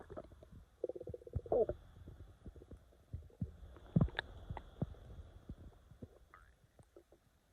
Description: Tried my best to capture some belly growls.